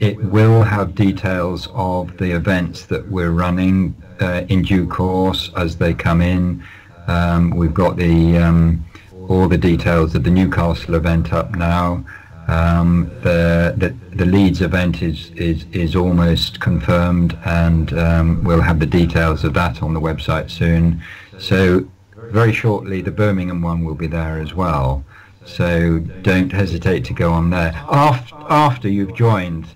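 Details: Adult man who has stammered all his life, managing it with prolonged speech and relaxation techniques; stammering (stuttering).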